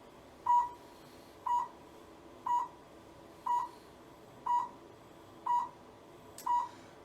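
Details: Steady short beeps about once a second, about 60 a minute, from a low-level therapy laser applied to a patient's prepped lumbar area for low back pain; the device barely touches the skin and treatment is painless.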